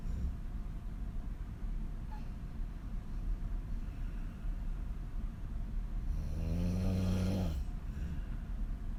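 A loud, low rattling snore on the in-breath over steady background rumble; open-mouth snoring during sleep.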